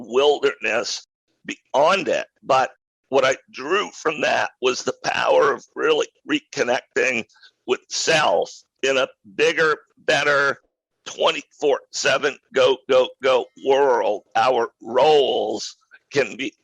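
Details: Adult male who acquired a rare neurological voice disorder in 2012 that made speaking difficult, still audible in his speech today; neurological voice disorder.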